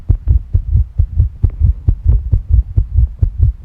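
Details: Fast, regular low thumping heartbeat, roughly 130 beats a minute, with muffled abdominal noise, recorded alongside stomach sounds; tachycardia with increased heart rate.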